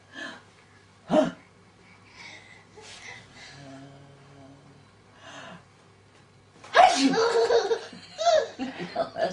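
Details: Adult nanny sneezing repeatedly to amuse a child: a sharp, ordinary sneeze burst, then quiet talk, followed by loud child laughter.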